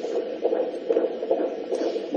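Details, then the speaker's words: Fetal heartbeat on Doppler, taught in a maternity nursing lesson on counting early (12–14 week) gestation heart rates in six-second intervals. "if you're listening to a 12 week or 14 week gestation it's very difficult to count it for very long so you want to count it for about six seconds and then recount it for another six seconds"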